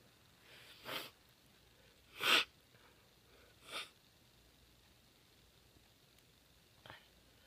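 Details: Female sneezing: several short, hissing bursts of air in a quiet room, followed by a faint softer sound.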